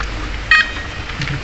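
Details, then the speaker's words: Infusion pump sounding error 4 (door open) alarm; a single short electronic beep over room noise as the nurse presses the button to silence the alarm; infusion pump button beep. "Jadi seperti ini, dia akan berbunyi ya, alarmnya."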